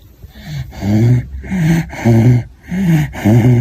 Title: Funny dogs snoring #funny #pets #dog